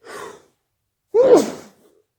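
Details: Late-night sneeze attack that came on suddenly, with the person trying to muffle the sneezes: a quick inward breath, a pause, then one explosive voiced burst, a single sneeze.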